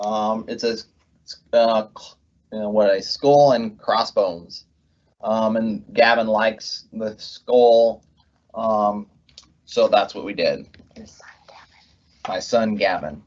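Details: Adult man with aphasia after a left-hemisphere ischemic stroke from left internal carotid dissection, with right hemiplegia; after speech therapy, word-finding difficulty persists months later; halting speech with repeated fillers and words: aphasia after stroke.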